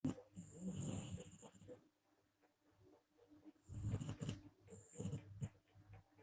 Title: Best Breath out snoring #girlsnoring #snoring